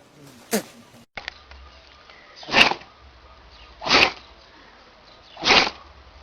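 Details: Animal sneezing: a short sharp burst, then three forceful, evenly spaced sneezes in a row against quiet room noise.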